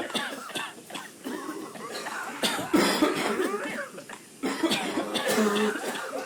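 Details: Adult coughing incessantly for over a minute in close, voiced bursts, apparently acted rather than from real illness: repeated coughing.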